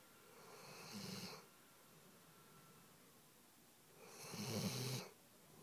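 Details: A Weimaraner dog sleeping on a couch gives two soft, rasping snores several seconds apart against quiet room noise; ordinary snoring.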